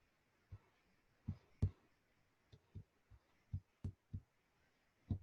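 Soft, dull low thumps recurring at somewhat uneven intervals in a quiet room, like heartbeats.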